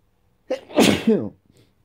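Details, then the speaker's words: Adult with daily morning sneezing attacks in February, suspecting dust and mold in the house: a single forceful sneeze preceded by a short in-breath. "So I keep sneezing. Every morning, just really need to clean so much dust and mold in this house."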